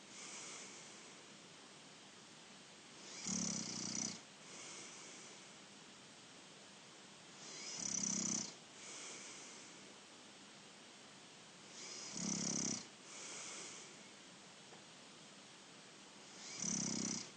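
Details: Younger brother snoring during sleep: regular rough, rattling snores at about 14 breaths a minute, with quieter breaths between them; ordinary snoring.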